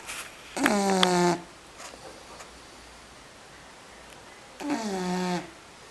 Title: Blast snoring.mp4